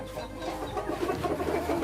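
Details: A chicken with a continuous rough, gurgling breathing noise; respiratory rattle ("snoring") in poultry.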